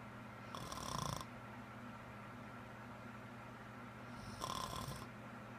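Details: Adult woman with a serious, persistent loud-snoring problem of unknown cause: two loud, rough snores about four seconds apart over steady room hum; loud snoring during sleep.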